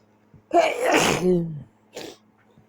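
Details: Nighttime sneezing keeping person awake: a single forceful sneeze with sharp intake and explosive release, then a short breath; ordinary sneeze.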